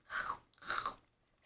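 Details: Adopted indoor cat, owned almost three years, who usually grinds while or right after eating and stopped after a teeth cleaning: two short bursts of dry, crunchy mouth noise; feline bruxism.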